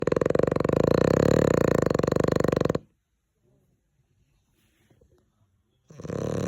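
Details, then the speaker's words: Heavy snoring from someone asleep, likened to a tractor: a loud, rattling snore on a long inward breath, a quiet pause, then the next snore begins. "как трактор это не трактор это наш спит"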